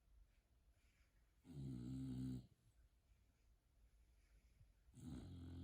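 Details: Two loud, rumbling, buzzy inspiratory snores with a quiet pause between them from a sleeping bulldog on a couch.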